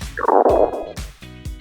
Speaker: That rumbling noise in your stomach is called borborygmi. It happens when your stomach muscles contract to move food and gas around even when you're hungry.